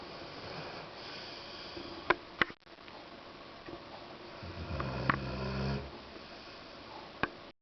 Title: Indió is snoring :)